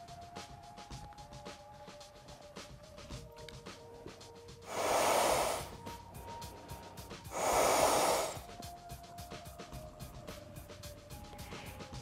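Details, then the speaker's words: Two long blowing breaths into a CPR training manikin for BLS/AED training, a few seconds apart, over soft background music; mouth-to-mouth rescue breathing demonstration. "next I will demonstrate mouth-to-mouth breathing"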